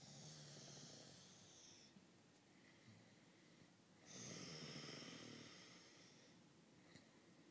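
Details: Man sleeping, his partner recording: ordinary snoring, two long, rough, noisy breaths with a quiet pause between them.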